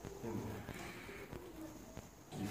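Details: Boy with hearing loss who cannot speak, vocalizing during grammar work; speech attempt by a child with hearing loss.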